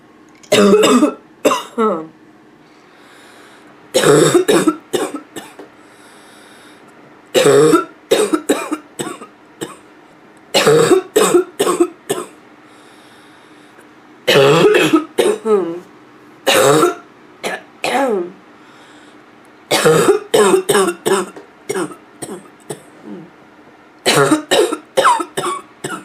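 Repeated harsh, hoarse coughing bouts with a barking, throaty quality, each bout holding several quick coughs.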